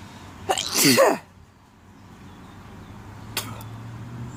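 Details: Person at work during a sneezing fit; one forceful sneeze after a sharp in-breath, then quiet and a brief sniff or click; sneezing.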